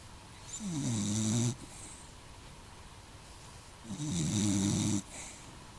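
Two loud, vibrating snores about three seconds apart, each rising in pitch, with a hissing exhale after.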